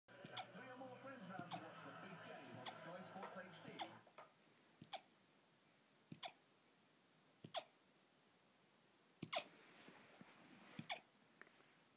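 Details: 12-week-old Weimaraner puppy with hiccups: small, sharp hiccup clicks repeating about 45 times a minute, with talk and music in the background at first; hiccups.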